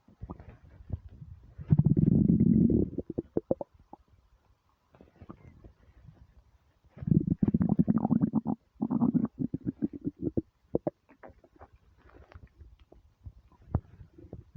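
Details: Hunger stomach rumbles when starving: loud, low gurgling and rumbling bowel bursts with quieter stretches between; normal borborygmi.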